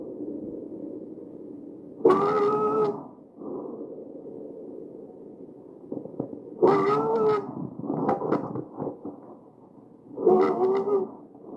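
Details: Visualized tracheal stridor recorded from a real patient with an AccurSound electronic stethoscope.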